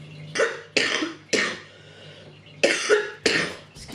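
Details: Woman with asthma and lung trouble, not covid-19, in Auckland during lockdown in September 2020: a fit of five harsh, forceful coughs over about four seconds; asthma-related cough.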